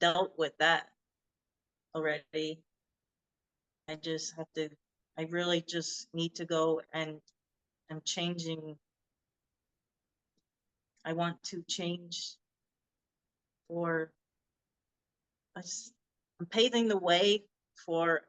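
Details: Adult woman with aphasia after a hemorrhagic stroke in 2018, unable to talk for 2 years, initially Broca's type; speech still worsens after recurring seizures; non-fluent (Broca's) aphasia.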